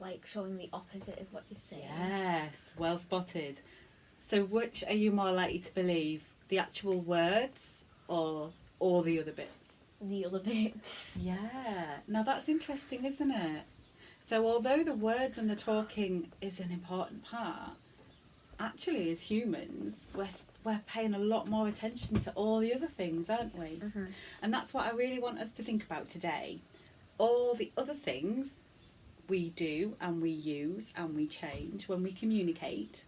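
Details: Adult female speech therapist; fluent speech.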